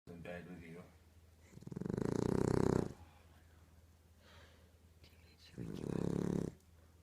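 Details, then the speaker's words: Female pit bull puppy snoring loudly enough to wake her big brother dog: two loud, rumbling snores with a quiet gap between them over a steady low room hum. Snoring. "you is she snoring on your TV or what she snores like a dude"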